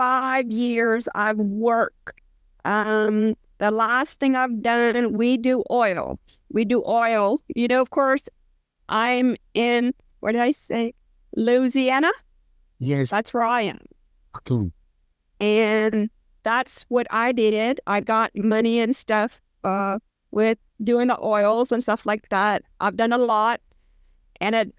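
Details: Person with aphasia and apraxia after a brain injury about four years earlier; aphasia with apraxia of speech.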